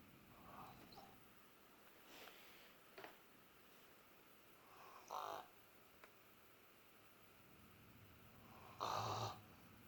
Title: My "baby" snoring fell asleep with ball in his mouth